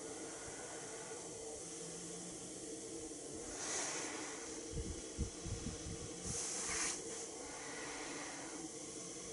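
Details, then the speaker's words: Philips Respironics Pico nasal CPAP mask tested at 12 cm water pressure: steady airflow hiss with soft rises as the wearer breathes; normal CPAP therapy airflow through nasal mask. "I'm going to be testing this at 12 centimeters of water pressure."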